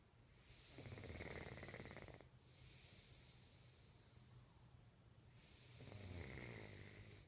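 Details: Two slow, rattling inhaled snores about five seconds apart with quiet breathing between: ordinary snoring.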